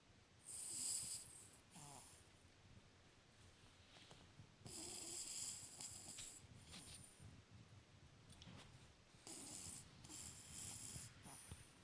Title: Yuzu Cavalier King Charles Spaniel Puppy Cute Snoring 19 weeks